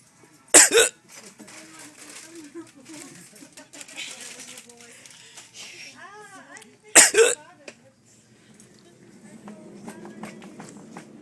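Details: Person who regularly coughs when hiccuping: two sharp, loud hiccup-like bursts about six seconds apart, with quiet breathing and vocal sounds between; hiccups with a cough-like quality.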